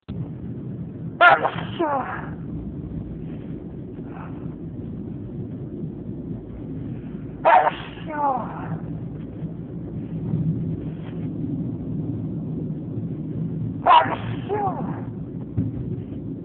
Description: This is my last sneezing fit, maybe for the change of the season...enjoy!